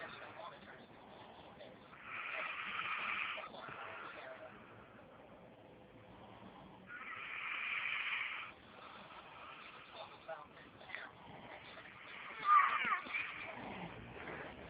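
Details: A father snoring, filmed by his child: two long, raspy snores about five seconds apart over quiet room noise; snoring.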